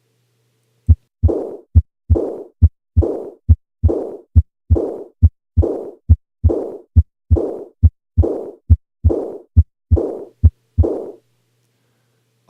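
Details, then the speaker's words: Diastolic, decrescendo, blowing murmur: aortic regurgitation murmur. "that's because this is a diastolic murmur its shape decrescendo and what about its quality I think many people would agree that it sounds blowing in nature"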